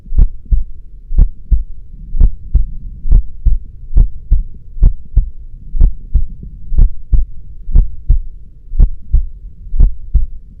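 Steady low lub-dub thumps at about 60 beats a minute over a soft hum; a regular, normal-sounding heartbeat.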